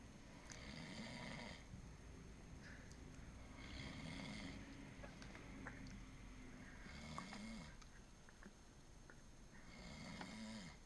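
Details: Repeated rough, rattling snores with short pauses, about four in eleven seconds, over steady room noise, from a sleeping friend; ordinary snoring.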